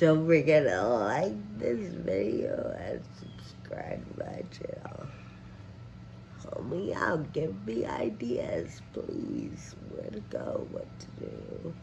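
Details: Adult woman with advanced progressive Friedreich ataxia; ataxic dysarthria.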